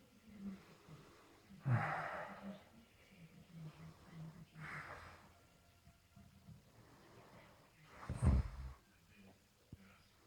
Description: Passed out after too many beers, makes a snore into an animal awkward sound!